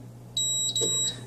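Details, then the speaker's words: Double beep from an Allied Healthcare AHP300 transport ventilator when the button is held to enter custom-mode programming; two short high-pitched electronic beeps, normal device signal. "you hear a double beep you let go and then you just make whatever changes you'd like"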